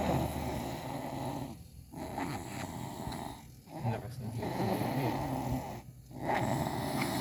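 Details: Animal snoring after two breakfasts: continuous low, rumbling snores in a steady rhythm with brief quiet gaps between breaths; ordinary snoring while asleep.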